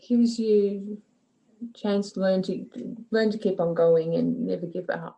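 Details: Woman with aphasia since an aneurysm and stroke in 2006, with word-finding difficulty and inability to read, write or recognize numbers; aphasia.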